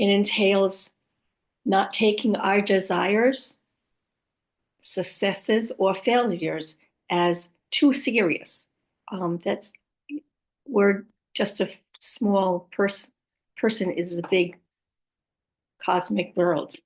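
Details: Adult woman with aphasia after a stroke, who also reports apraxia and dysarthria; aphasia.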